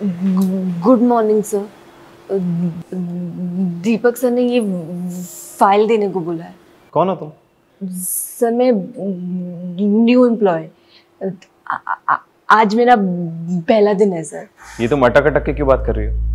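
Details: Acted stuttering in a Hindi short film: young woman, newly hired, who says she has stammered since childhood; stuttering.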